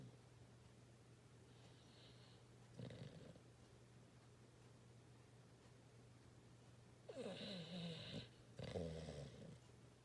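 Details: A sleeping dog snoring and twitching: a few soft snorting snore sounds over quiet room hum; ordinary snoring.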